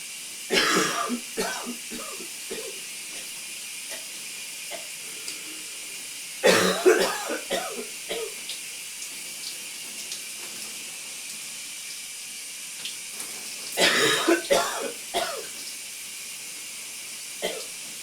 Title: Coughing in a steamy shower (M)